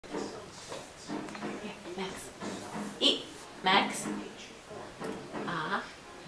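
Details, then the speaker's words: Mother's hiccups while spoon-feeding her baby: two abrupt, sharp vocal catches amid soft voices. "got the hiccups, right?"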